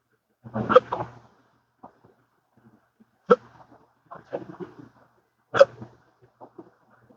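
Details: Three sharp, abrupt voiced hiccups with softer throat noises between, one every two to three seconds. The person has had daily hiccup episodes lasting up to 12 hours, with occasional burps, since a 2015 surgery causing nerve damage; episodes are unresponsive to treatments.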